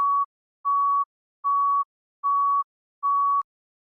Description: Heart Monitor Beep Sound Effect in HQ